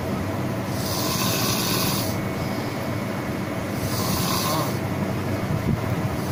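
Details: Snoring in staff accommodation: loud, continuous low rumbling snore with rhythmic breath cycles about every 2.5 seconds over steady room noise.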